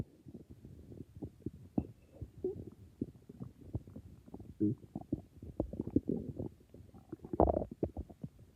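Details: Stomach growling (borborygmi): continuous low bubbling, gurgling and popping sounds with some louder rumbles.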